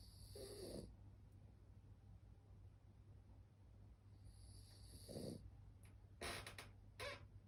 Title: 目をほぼ開けたまま寝ていびきまでかくフレブルのモー The frenchie is sleeping with her eyes open and even snoring